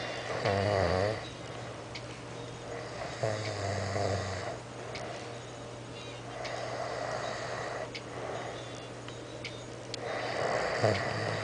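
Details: Loud, rough snores at about 18 a minute, uneven from breath to breath, with a steady hum in the room, from a person who has just fallen asleep: snoring.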